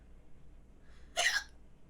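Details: Adult female streamer hiccups during a live stream: one brief, abrupt hiccup over quiet room noise.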